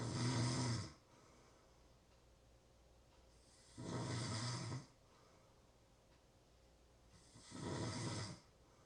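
Three regular, rough snores with quiet pauses between, about 16 breaths a minute; ordinary snoring in a quiet room.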